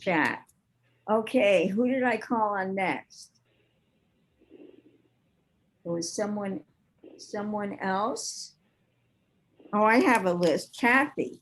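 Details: Adult woman speaking; ordinary speech.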